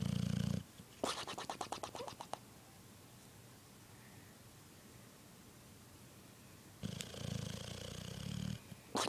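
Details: A sleeping boxer dog: loud rumbling, fluttering snores separated by a few quiet seconds; snoring.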